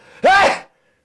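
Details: Possible vocal tic from a 24-year-old man with Tourette syndrome whose tics occur every minute; no medication has helped so far, and skull-drilling brain surgery is planned as a last resort.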